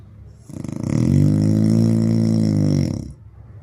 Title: best snoring sound